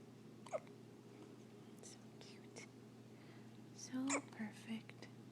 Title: Newborn with Hiccups